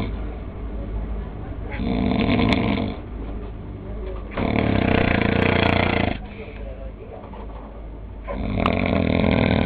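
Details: Man who insists he does not snore, with loud, rough, rumbling snores on each breath in, three in about ten seconds, and quieter breaths out between; heavy snoring.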